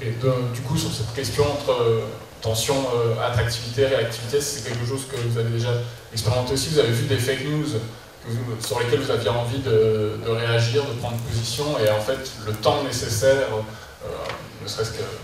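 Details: Adult man speaking French; ordinary speech.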